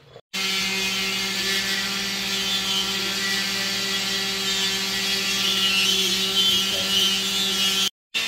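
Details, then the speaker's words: Minimally invasive removal of an infected horse tooth: a water-cooled power burr sections the tooth, giving a loud, steady high-pitched motor whine with a grinding hiss for about eight seconds. "And then we use a water cooling system that keeps the burr clean. And we use burrs from Equine Specialties as sectioning. So what we're gonna do is we're gonna go in and section this tooth."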